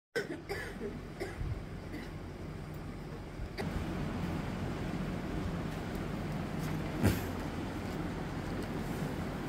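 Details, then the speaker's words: 36-year-old woman with a chronic cough for eight years, previously treated with homeopathy and allopathy; a few brief, soft coughs over steady traffic-like background noise. "36 বছর বয়স্ক ভদ্র মহিলা কাশিতে কষ্ট পাচ্ছেন আট বছর ধরে উনার কাশি চলছে"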